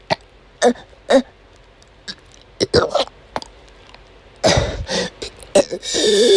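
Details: Woman having an asthma attack during a chronic migraine episode: repeated short, harsh coughs and throat-clearing, then longer strained gagging; persistent coughing with retching, vomiting many times that day.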